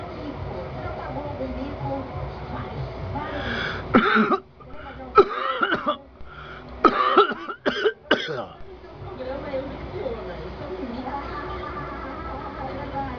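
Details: A person coughing: about five sharp, harsh coughs in a short cluster, with muffled talking in the background before and after.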